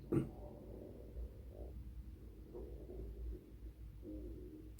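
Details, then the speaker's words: An adult's empty stomach growls after only a KitKat and coffee that day; low, soft rumbling gurgles come and go over a steady low background hum. "how the hell am I going to make this video with her stomach growling? What's going on?"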